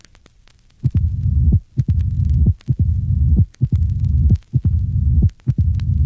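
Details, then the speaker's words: Severe mitral stenosis in a 1965 teaching recording: loud, sharp first heart sound, early opening snap, and a louder, longer mid-diastolic murmur with presystolic accentuation. "in patients with severe mitral stenosis the mid diastolic murmur is louder and longer with pre-systolic accentuation the first heart sound is loud and sharp and the opening snap is early listen to a patient with severe mitral stenosis see figure 121."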